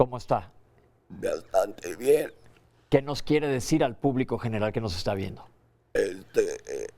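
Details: Adult male speaker; Normal speech.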